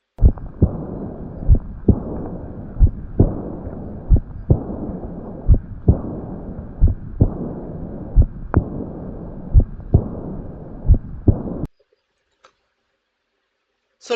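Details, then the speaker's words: Slow, regular heartbeat with a soft blowing decrescendo diastolic murmur filling the diastolic pause, with bounding pulse: aortic regurgitation murmur. "So looks like bounding pulse and AR. This is an AR. This is the sound of an AR. Decrescendo diastolic murmur."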